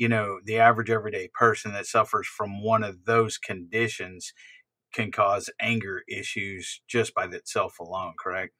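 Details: Adult male speaker; typical speech.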